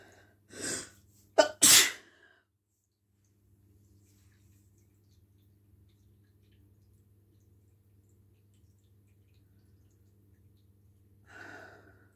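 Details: Adult's induced morning sneeze: quick inhaled build-up, then one loud explosive sneeze, followed by quiet and a soft breath.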